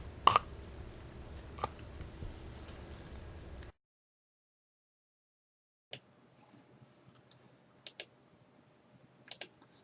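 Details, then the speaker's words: Teaching example for pre-hospital providers of agonal breathing: brief, irregular gasping sounds separated by long pauses, not real effective breathing; agonal breathing. "basically notice how this gasping noise right is associated with this agonal breathing and is not associated with real breathing but this like fake breathing"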